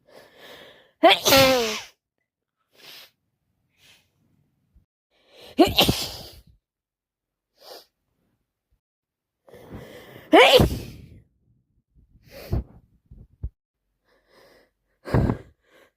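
Three forceful wet sneezes, each with a rising voiced wind-up, separated by sniffles and breaths; sneezing with a head cold.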